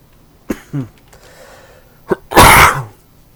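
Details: Dry, non-productive cough: a few short, harsh coughs without rattle, then a louder burst, recorded while playing a video game.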